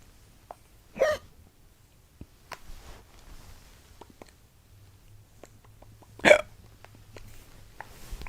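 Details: Girl producing voluntary self-induced hiccups, an ability since childhood: two sharp, abrupt gulping hiccups several seconds apart, faint mouth sounds between, quiet room.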